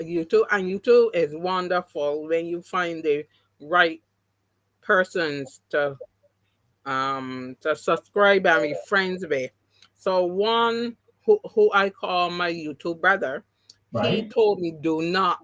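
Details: Mild post-stroke aphasia in an adult woman who had three strokes (2017, 2018, 2019). The first was haemorrhagic, causing loss of speech and right-sided paralysis. Speech has been regained, but some words will never come back.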